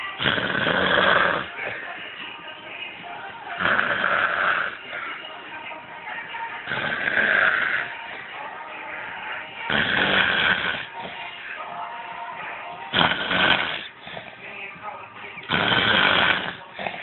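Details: Man snoring in sleep after too much work: loud, rough snores about every three seconds, roughly 20 a minute, with quieter breathing between.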